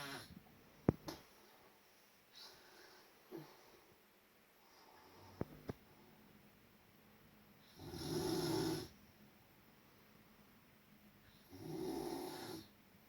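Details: Loud snoring during sleep: two loud, rough snoring breaths about four seconds apart after quieter breathing with small clicks.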